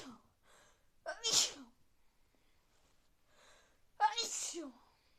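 Two sharp, hissing sneezes about three seconds apart, each with a short breath before it, in a quiet room.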